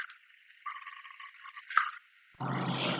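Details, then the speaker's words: Stridor from upper-airway narrowing such as the trachea: a high-pitched, fluttering breath noise, then a harsh, rough noisy breath; depending on degree it is audible even without a stethoscope. "a gente consegue ouvir a pessoa respirando com dificuldades né então na passagem de ar ele tem dificuldade e gera esse barulho"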